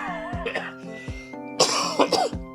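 Several short, harsh cough bursts and throat clearing from a man with a cold, over steady background music.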